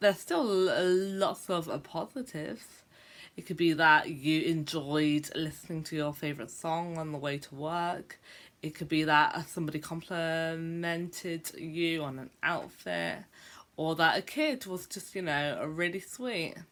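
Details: Adult woman who stammers, speaking in a vlog about life as a stammerer; stuttering.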